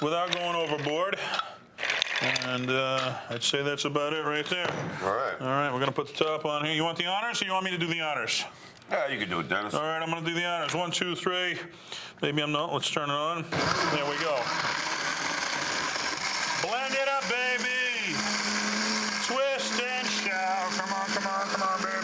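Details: Adult men talking; ordinary conversational speech.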